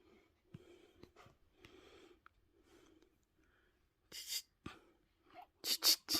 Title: Cute baby boy hiccups👶🏻 #babyboy #cutebaby #newborn